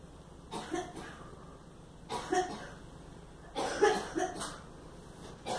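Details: Girl coughs in several short bursts, about four coughs over a few seconds in a quiet room; plain cough.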